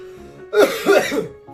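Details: Man eating very spicy ramen with chili oil and hot peppers gives a burst of harsh, voiced throat clearing into a short cough over background music; irritant cough from spice.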